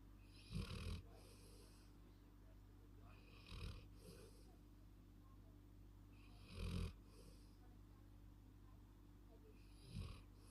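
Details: Labrador in deep sleep snoring: deep, rumbling snores with a whistling edge, four breaths over about ten seconds, with a steady hum behind.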